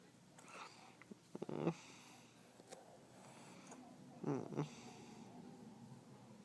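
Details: A Shih-Tzu dog gets hiccups while being played with: two abrupt, catching breath sounds a few seconds apart over quiet room noise; the hiccups stop soon after.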